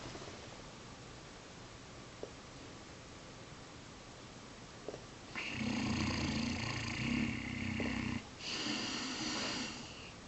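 Quiet room noise, then two long, rough, rumbling breath sounds: snoring from a sleeping dog.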